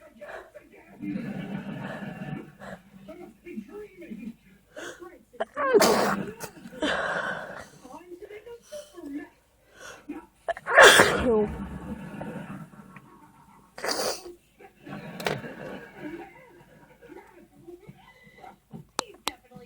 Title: Sneezing fit.